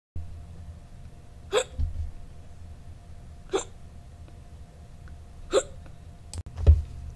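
Three sharp, evenly spaced hiccups about two seconds apart, then a fourth sound near the end; recurring hiccups.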